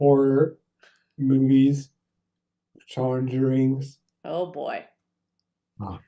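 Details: Adult male stroke survivor with aphasia, good at naming nouns and giving single words; aphasia.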